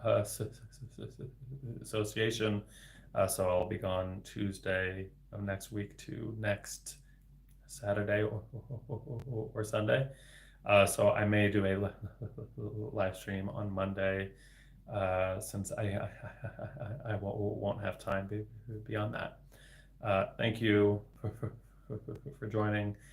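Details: Stuttering beginning around age eight to nine in an adult man, a speech-language pathologist, with repetitions of sounds and words.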